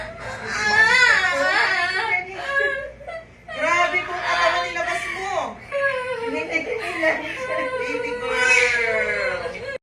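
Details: Strong, repeated, full-voiced wailing from a vigorous newborn just after a normal home delivery.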